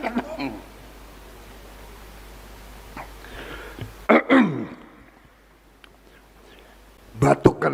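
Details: A 74-year-old man coughs during a speech: short, forceful ordinary coughs in two small clusters separated by quiet room noise; he jokes it is from too much enthusiasm.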